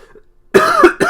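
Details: Adult man who says he is very ill, coughing during a livestream: two loud, slightly voiced cough bursts in quick succession.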